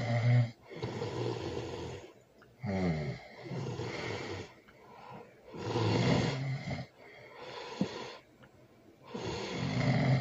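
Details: Loud, deep, rattling snores on each breath, with rough fluttering through the throat and short pauses between breaths; heavy snoring.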